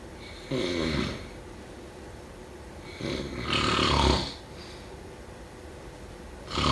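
Rattling, rumbling snores with noisy breathing return roughly every three seconds, about 20 a minute, against quiet room noise: ordinary snoring.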